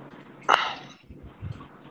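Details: A single short, sharp cough burst, then faint background sounds, from a person recovering from an illness with dizziness and bed rest; cough.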